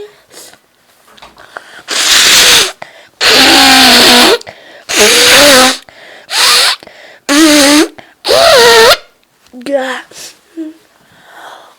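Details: Sneezing finale from a person feeling very sneezy all day: a rapid series of six very loud, voiced, high-pitched sneezes, each a forceful burst with a vocal cry, separated by short breaths.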